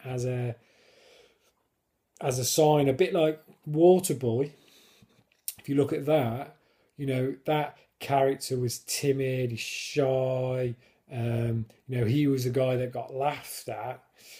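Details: Adult man who stammers, now controlled with a technique learned on a course (blocks without it); he considers it a disability; stammering.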